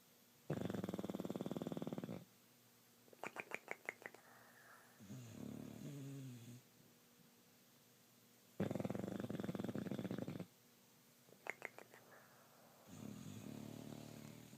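Loud rattling snores of about two seconds each, repeating about every eight seconds, with softer snuffling and lip-flutter sounds between them.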